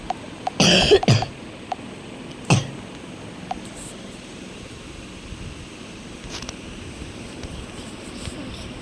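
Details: A short burst of two or three coughs, then one more cough, over quiet room noise, from a person who has a fever; ordinary cough during a feverish illness.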